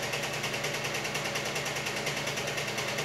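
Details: Steady rhythmic mechanical whirring, about two pulses a second, from a tumescent fluid pump during endovenous laser treatment (EVLT) of the saphenous vein near the junction, with the patient in reverse Trendelenburg and awake.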